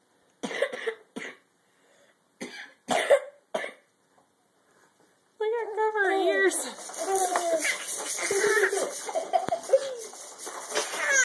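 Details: About five short, forceful coughs from an adult man (the child's father), followed by a young child's high-pitched vocalizing and whining; the child covers her ears during the coughing.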